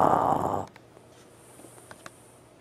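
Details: One brief, harsh, rattling snore from Maximus, a French Bulldog, sleeping late at night, then a quiet room with faint clicks.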